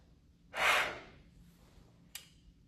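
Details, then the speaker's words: Clinical exam demonstration, patient using a peak flow meter after deep inhale: single sharp, forceful blast of breath blown hard and fast, then a brief click. "They're going to inhale, grab it, and then go ahead and put it around their mouth and blow as hard and fast as they can."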